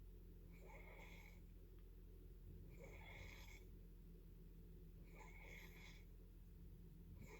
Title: Snoring again